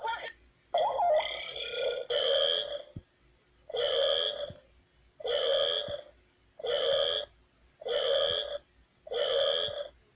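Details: Repeated burping: a run of seven loud, drawn-out belches, each about a second long, with short pauses between them.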